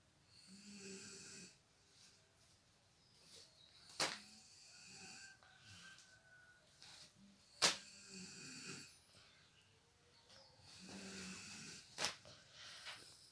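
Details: Sleeping mother snoring: soft rasping snores recurring every few seconds in a quiet room, with occasional sharp clicks and faint background sounds while a baby plays nearby.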